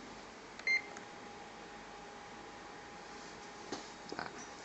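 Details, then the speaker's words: Terumo syringe pump during internal calibration: a single short electronic beep as the infusion starts, over quiet room hum. "dilakukannya start maka di sini menunjukkan adanya cairan yang akan transfusi kepada tubuh manusia seperti itu"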